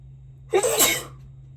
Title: False starts + sneezes